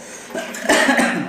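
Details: A brief cough burst followed by a second weaker burst from an adult man who is unwell.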